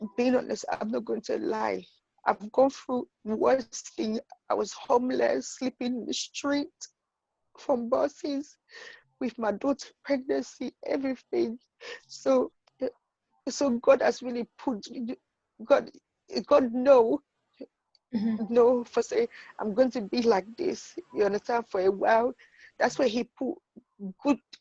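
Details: Woman with intracranial hypertension and sight loss who reports stuttering and difficulty saying familiar words because of her condition; stuttering.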